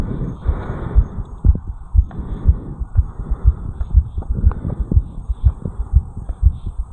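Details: 34-year-old man recorded at the mitral area after jogging up a flight of stairs: strong, regular heartbeats at about 120 per minute over a faint hum and rustle; sinus tachycardia after exercise.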